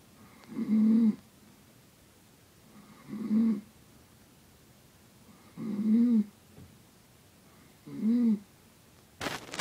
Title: Mom snoring